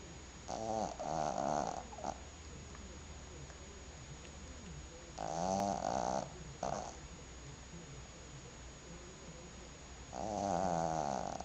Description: Little Maltese is snoring like an old man!